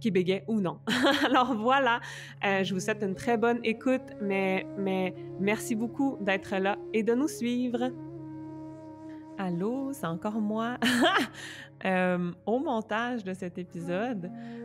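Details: Adult woman who stutters, who has had speech therapy including stuttering modification and uses meditation to stay present during stuttering moments; stuttering.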